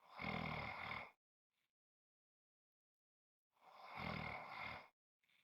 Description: This is a 5 1/2 minute clip of snoring.